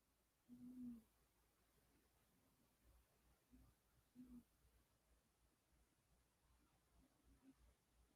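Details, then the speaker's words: Pet cat snoring in a very quiet room: faint, soft low rumbles about every three to four seconds; snoring. "My cat is in here with me and he is now snoring. I don't know if you guys can hear that. He's so cute."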